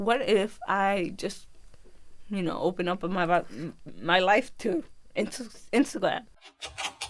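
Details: Adult woman born with left spastic cerebral palsy affecting movement, balance and speech, left side weaker than right. Speech impairment associated with cerebral palsy (dysarthria).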